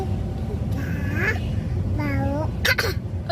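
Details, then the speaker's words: A toddler makes two drawn-out voiced sounds, then two short, sharp cough bursts in quick succession over low room noise; an adult asks why the baby is coughing. "maau mau apa Mau apa kok batuk Bu kok batuk"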